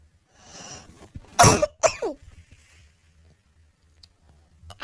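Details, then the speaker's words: Adult woman who says she caught a cough from another sick household member: two harsh, forceful coughs after a breathy inhalation, cold-type cough. "think she's even given me this bloody old cough."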